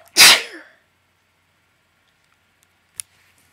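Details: A person with slight summer allergies gives a single loud, wet, explosive sneeze, then quiet with a faint click; an allergic sneeze.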